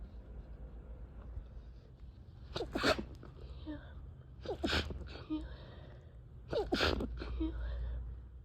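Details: Attempted stifled sneezes that escape into three forceful sneezes about two seconds apart, each with a sharp intake and explosive release, over low background noise; sneezing.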